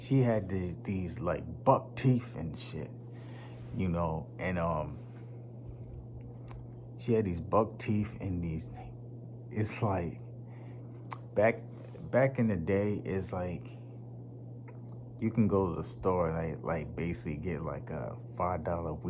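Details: Man who stutters; he says it was once so severe he could not talk, links it to his nervous system, and says it worsens when nervous around unfamiliar people; stuttering.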